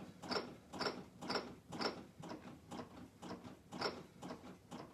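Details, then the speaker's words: CPR training demonstration on a manikin, compressing with body weight rather than arm strength at about 120 per minute, the recommended rate: steady rhythmic clicks and thumps of chest compressions. "i'm using my body weight to do this i'm not using my my arms or the strength of my biceps to do this and i'm going to keep going now"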